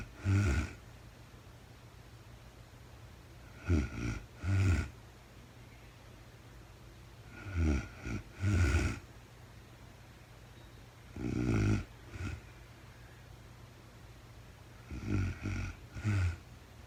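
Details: Real-time sleep recording of a woman snoring, no talking: snorting snores in clusters of two or three every few seconds, with soft room hum between.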